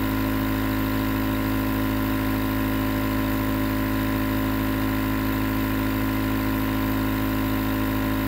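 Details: Nebulizer compressor running as white noise for sleep: steady, loud mechanical hum with fast buzzing pulse, continuous drone; nebulizer running.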